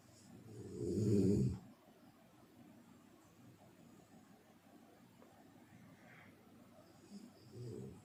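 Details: One loud, low, rattling snore on an in-breath, then quiet breathing, with a softer snore starting at the end; ordinary snoring.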